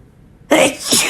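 One abrupt, loud, hissing sneeze burst that breaks off, then a softer follow-through. An ordinary sneeze.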